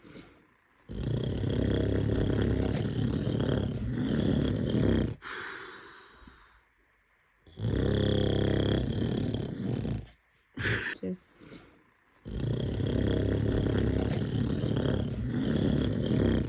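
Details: Adult man (dad) snoring while baby reacts: loud, rough, rumbling snores on each in-breath with quiet pauses between; heavy snoring during sleep.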